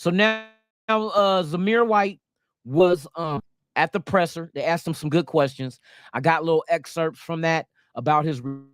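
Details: Adult male speaker; normal conversational speech.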